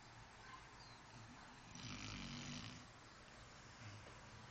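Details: Soft, rough snore that rises and fades over steady background hiss from Charlie, a dog sleeping in an awkward position with his head pressed against a sliding glass door; ordinary snoring.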